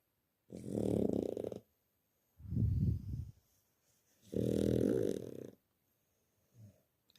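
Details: Snoring in a small one, jokingly called a snoring monster: loud, rumbling snores on each breath in, with quieter breaths between, about three snores in seven seconds.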